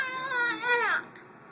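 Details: Infant girl startled by her father's sneeze: a brief high-pitched wail that falls away at the end.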